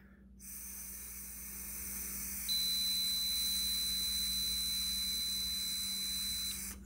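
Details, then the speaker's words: Steady high-pitched electronic tone for about four seconds as breath is blown through the mouthpiece of a handheld ketone breath meter; the reading was 1.2, five hours after lunch. "that's when you're gonna blow the air through the piece over here the mouthpiece over here for about six seconds so when you blow the air you can hear a beep"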